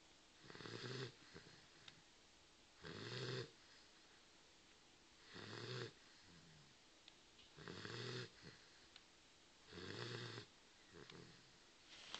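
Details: Sleeping Dogue de Bordeaux snoring: regular, rough, fluttering, rumbling snores about 25 a minute in a quiet room.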